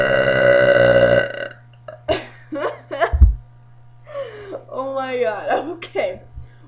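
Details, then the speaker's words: One long, loud, voiced burp lasting over a second, followed by brief speech; entry in a self-declared burping contest. "this is a contest anybody that can beat me we'll figure something out but anybody just comment on mine if you think you can beat me we'll have a burping contest and see what's going on"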